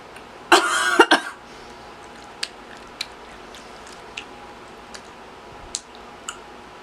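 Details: Coughing while eating honeycomb, ASMR recording: a single harsh cough burst with a short follow-up, then quiet chewing clicks.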